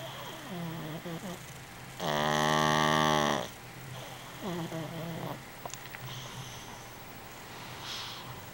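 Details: Soft snuffling breaths around one loud, buzzing snore lasting about a second and a half, then quieter wheezy breathing; snoring.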